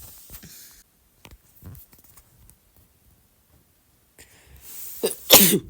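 Quiet sniffs and catching breaths build up, ending in one sharp, loud sneeze burst.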